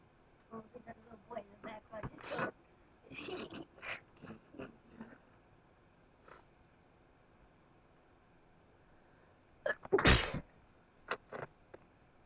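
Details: Person with spring allergies sneezing uncontrollably: sharp nasal bursts and catching breaths, then one loud sneeze.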